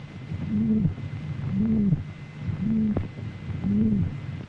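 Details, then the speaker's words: Rheumatic heart with a leaky valve scarred by rheumatic fever, heard on stethoscope re-listening: steady heartbeat near 57 a minute, each beat carrying a humming, whooshing heart murmur. "faulty valve operation gives the romantic heart a characteristic sound called a murmur"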